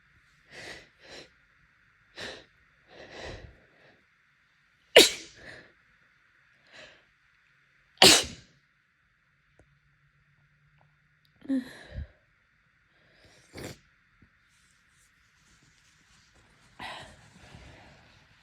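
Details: Repeated very wet, congested, sometimes very forceful sneezes with sniffing and nose blowing between them, from a person with seasonal pollen allergy during heavy pollen season, with bloodshot, swollen eyes.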